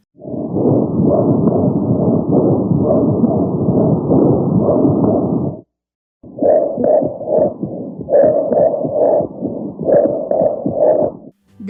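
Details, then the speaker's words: Simulated chest auscultation of a pleural friction rub, an adventitious breath sound arising in the pleura. "are three types of abnormal breath sounds that arise in the pleura and in the lung. Frequently, they are collectively referred to as adventitious breath sounds. Pleural rub"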